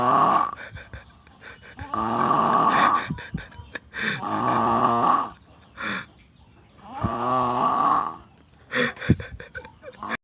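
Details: Loud, deep, bass-like rattling snores on each inward breath, with quieter breathing in between; roughly four snores in ten seconds; snoring.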